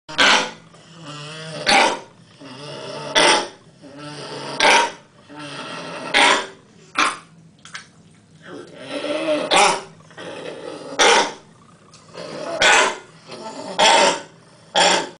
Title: 8 weeks old puppy-coughing